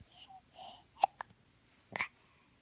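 Soft voice sounds, then a sudden sharp hiccup with a smaller catch and another abrupt burst; hiccups heard against quiet room noise.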